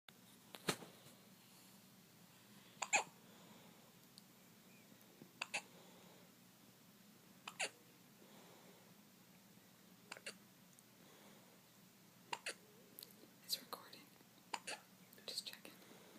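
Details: Baby boy with hiccups, brief sharp catches of breath every two to three seconds, about eight over sixteen seconds, in a quiet room while adults talk to him; infant hiccups.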